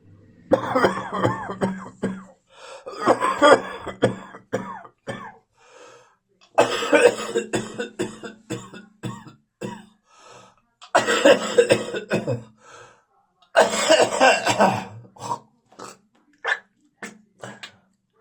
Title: Post-Viral Coughing and Spitting